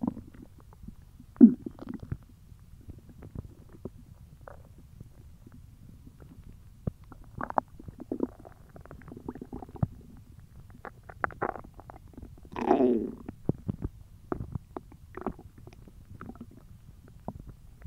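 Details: Hungry belly: irregular gurgling and rumbling bowel sounds over a quiet background; ordinary hunger stomach growling, a normal finding (borborygmi).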